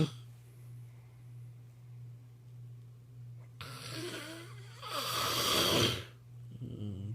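Quiet breathing, then a harsh rasping inhaled snore and a noisy exhale, over a steady low hum; snoring.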